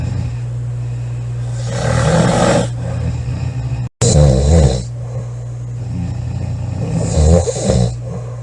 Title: Loud girl snoring July 21 2017